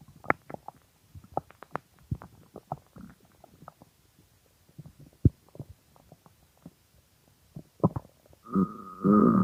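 Irregular gurgles, pops and squeaks, ending in a longer growling rumble: ordinary hunger stomach growling.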